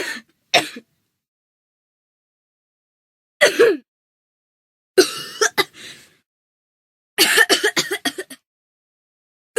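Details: Sound-effects library recording of acted adult coughs: several short separate coughs, then a rapid run of harsh coughs in a quiet room; a staged cough, not a real illness.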